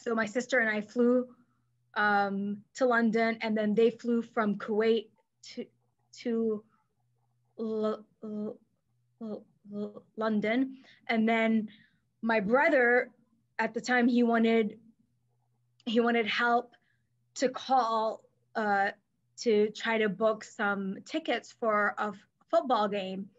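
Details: Adult woman who stutters, herself a speech-language pathologist; mainly silent blocks when younger, later fillers, with covert periods; here part-word and word repetitions; stuttering.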